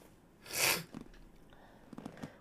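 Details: Person on a live stream during a sneezing fit: one loud, sharp, hissing burst, then quiet room noise with faint background sounds; a single sneeze.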